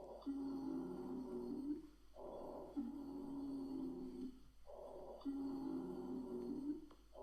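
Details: Expiratory wheezes heard on stethoscope lung auscultation in a medical teaching recording, auscultating right and left lung fields from apex to base.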